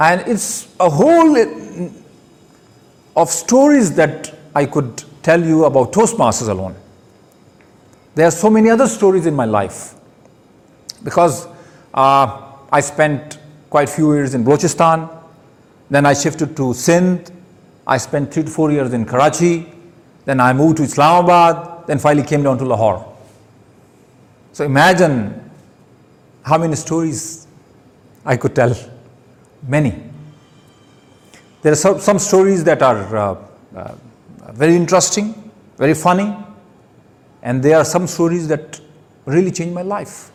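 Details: Adult man who stammers, giving his first public speech: stuttering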